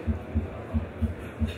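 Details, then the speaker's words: Simulated normal first and second heart sounds on the Next Generation Harvey cardiopulmonary patient simulator manikin, regular and crisp at a slightly faster rate, near 90 per minute, a variation on the standard rate of 60. "so here's the normal heart tones first and second heart sound but a little bit faster"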